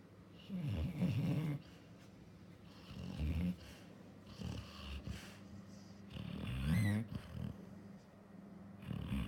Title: Female Labrador dog gets woken up from snoring and twitching nerves